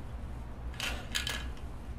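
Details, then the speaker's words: Incentive spirometer demonstrated in COPD pulmonary rehab, showing the wrong technique: a brief, sharp, too-fast breath in with a light rattle, making the indicator shoot up instead of a slow, steady breath. "and that's how it it shoots right up so you may get a higher volume but you're you're not getting the slow steady breath that we're asking for"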